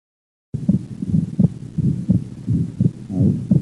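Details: Split second heart sound with a soft murmur of atrial septal defect; regular heartbeat near 86 per minute.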